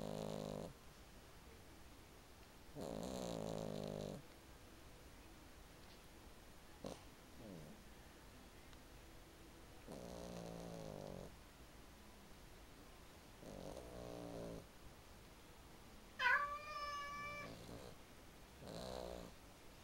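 Soft, rhythmic snoring from a sleeping cat, with one brief whistling note mid-breath.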